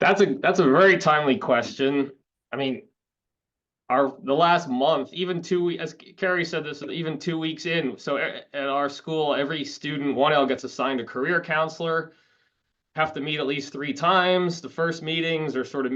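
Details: Adult speaker; normal voice.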